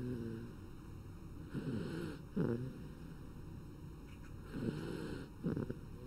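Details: Two rough, low, rattling breath sounds about three seconds apart over steady background hum; snoring, possibly from a bat.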